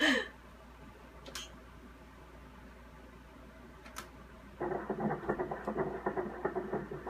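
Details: Fetal heartbeat at 34 weeks of pregnancy on Doppler: low hiss then rapid galloping pulse about 150 per minute; fetal heart sounds.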